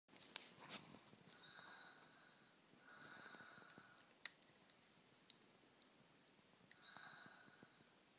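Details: Light, high-pitched nasal snore: three breathy, whistling noises on in-breaths in a quiet room, with little low rumble.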